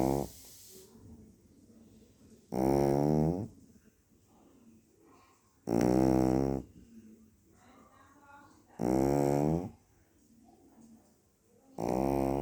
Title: my little cute dogs snoring 😴🤩